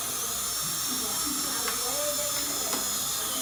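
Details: Dental drill during a dental filling procedure: high-pitched steady whine with shifting pitch as it cuts, over low room noise.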